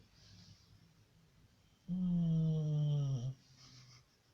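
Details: Staffordshire bull terrier dog snoring like a human: one loud, drawn-out, tonal snore of about a second and a half between soft breaths.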